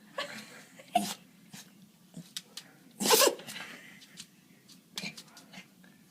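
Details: Sneezing attack: several sharp, short nasal bursts with snorting breaths between, one louder burst near the middle; a run of sneezes.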